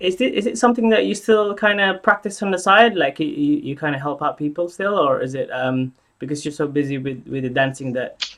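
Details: Adult speaker; typical speech.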